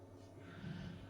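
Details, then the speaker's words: Single faint, low rumbling snore from an adult man asleep in a quiet room near the recording. Snoring. "So I'm sorry for the snoring if you hear that. But he gave up on me and fell asleep."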